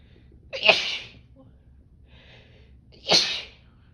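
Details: Female with cold sensitivity sneezing on a snow day in single-digit windchills: two sharp, explosive sneezes about 2.5 seconds apart in a quiet room; sneezing.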